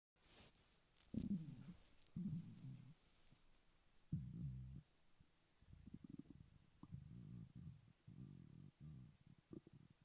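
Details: Stomach growling (borborygmi): soft, low gurgling and growling bursts with quiet gaps between them.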